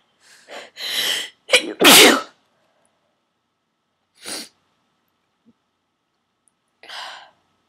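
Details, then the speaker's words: By their own account, sneezing 16–17 times in a row after deliberately inducing it with a plastic garment tag holder. A run of forceful sneezes with sharp inhaled catches, pauses, then two more. Eyes streaming afterwards and nose raw and stuffy. "Sneezing so hard I'm literally crying."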